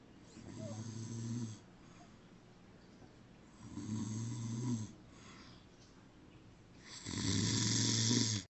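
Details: Man snoring: three loud, rough, rumbling snores at irregular intervals, each over a second, with quiet breathing between.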